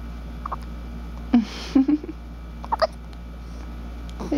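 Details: Two-week-old baby girl with hiccups: several short, abrupt catches of breath at irregular intervals over faint room noise.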